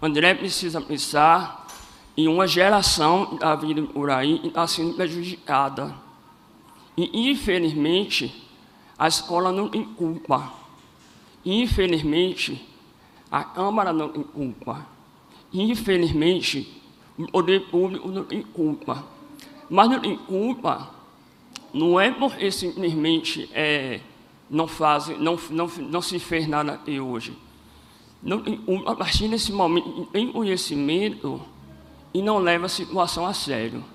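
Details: Adult man with congenital cleft lip and palate, operated at age 5 and again around 18 with seven surgeries in all, speech therapy from age 7 to 17, voice not fully rehabilitated; cleft palate speech.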